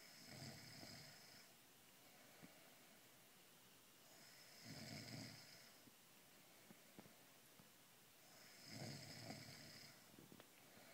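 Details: Snoring in a pregnant woman, described as a side effect of pregnancy, during sleep at night: three rough, rattling snores about four seconds apart, roughly 15 breaths a minute, over steady room noise.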